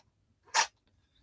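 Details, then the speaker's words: A cat sneezing in the background: a single short, sharp hissing burst in a quiet indoor room. "I don't know if you can hear my cat sneezing."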